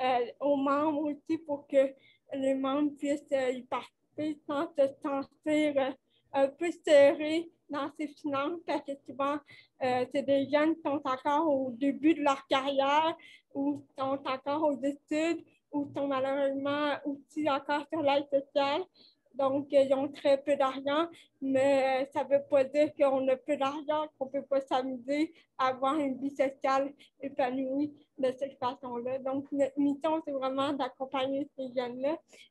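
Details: Dysarthria in a 29-year-old woman with cerebral palsy caused by lack of oxygen at birth, who says her speech is affected.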